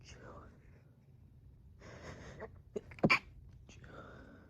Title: Stifling sneezes while home alone